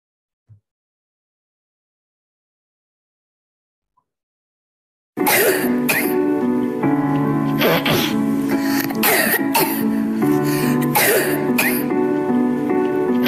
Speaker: Now let us enter this to barking cough or honking cough. That would be indicating a somatic cough, although it is not diagnostic, but it is common.